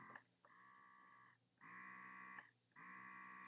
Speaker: that's the regular i think the other is the left down mode you can go up and down and cycle through